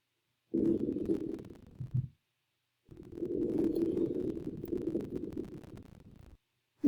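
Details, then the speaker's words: Female patient in a simulated virtual comprehensive assessment: soft, even airflow through a stethoscope over two breaths, with recorder clicks that can mimic crackles; clear normal breath sounds anteriorly and posteriorly, no crackles or wheezes. "hey miss jones has symmetrical expansion on inspiration and exploration breast sounds are cleared auscultation in all fields posteriorly entirely your chest is symmetrical"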